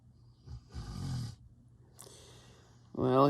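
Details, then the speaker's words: A single rough, rumbling snore-like breath from a sleeping pet dog over low room hum, with a woman's voice starting at the end. Snoring. "got the snores going on somebody said in comments was it polly that they couldn't hear the snorting and the snoring and all of the shenanigans that the puppies do and the boy does"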